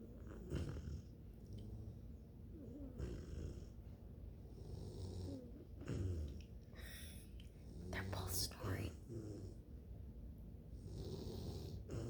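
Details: Sleeping Bluetick Coonhound puppies: soft, low rumbling snores repeating with each breath, faint room noise; snoring.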